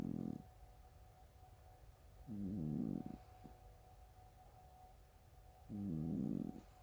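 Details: A sleeping cat gives low, fluttering, rattly snores about 3 seconds apart, roughly 18 a minute, with quiet gaps between: snoring that sounds like farts.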